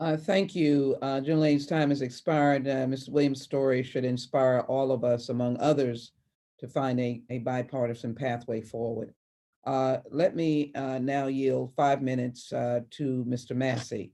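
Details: Adult speaker at a hearing; normal speech.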